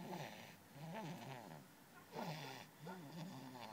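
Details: Overweight man snoring: rough, rattling snorts with wavering pitch on repeated breaths.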